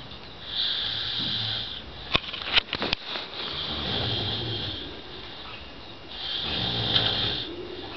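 Harsh rattling snores on each breath, with a few brief clicks between them.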